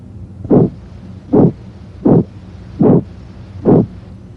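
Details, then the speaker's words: Regular whooshing swishes with each heartbeat, about 75 a minute, heard with a stethoscope over the renal artery and aortic area of the abdomen; abdominal bruit. "If the patient has hypertension, listen for brewies over the right renal artery. aorta and left renal artery. If present, a brewy would sound like this."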